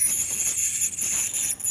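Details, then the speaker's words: Steady high-pitched hiss and whine with brief dips from an ultrasonic scaler cleaning a whippet's teeth, including under the gumline, under light general anaesthetic; ultrasonic dental scaler. "so we use the ultrasonic scaler go along all that Tata take it down under the counters as well"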